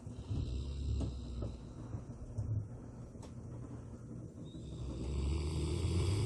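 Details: Rottweiler, a large dog, in a deep daytime sleep, snoring loudly with a deep, rumbling breathing noise likened to thunder, with room noise behind; snoring.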